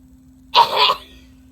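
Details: Simulated cough in a puppet demonstration: a single short, muffled acted cough performed as a covered cough into the arm or hand.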